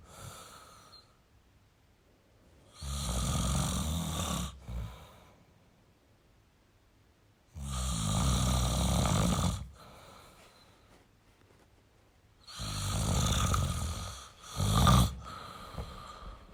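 Loud, rough snores on each breath in, about three in fifteen seconds, with quiet pauses between; ordinary adult snoring.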